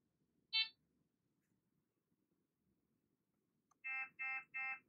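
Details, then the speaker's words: Amika ambulatory enteral feeding pump (Fresenius Kabi) tubing occlusion alarm with a flashing orange light: one electronic beep, then a click and three evenly spaced beeps. "Alarme. Occlusion en amont. Le voyant orange clignote."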